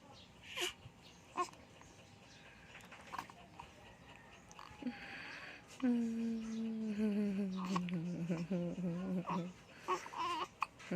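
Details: Infant girl with hiccups, patted on the head: soft sharp catches, then a long falling wail and a few shorter whimpers in a quiet room; infant crying.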